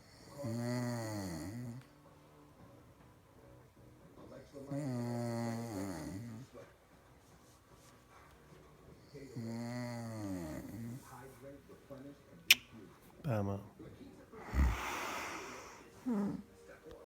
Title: Snoring moms